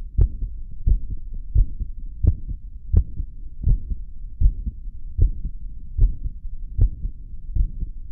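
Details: Heartbeat recorded after caffeine: clear paired low thumps, about 80 beats a minute, with a steady rhythm.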